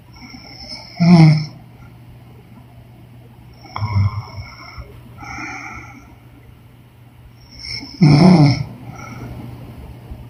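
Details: Woman snoring during sleep: brief low snorting snores over a steady background hum and faint room noise; snoring.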